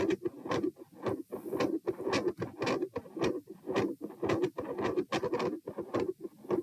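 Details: Heart sounds recorded at position p while standing: rough rasping whooshes with each beat, swelling and fading, a machinery-like PDA-like murmur with phasic S2; ASD/PFO pattern not apparent, possibly L-R pressure.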